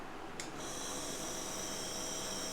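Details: Compressor nebulizer with medicine chamber and adult face mask switching on: a click, then a steady high hissing hum as it runs.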